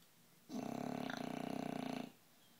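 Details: An 11-month-old, 60-pound bulldog in deep sleep: one loud, rattling snore lasting about a second and a half with a fluttering vibration through it; snoring from a noisy upper airway.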